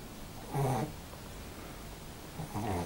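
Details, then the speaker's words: Pet dog sleeping in background during a yoga lesson, two low rumbling snores about two seconds apart over quiet room noise; ordinary dog snoring. "sound you can hear in the background probably is my dog snoring cuba the yoga dog doing restorative yoga of her own"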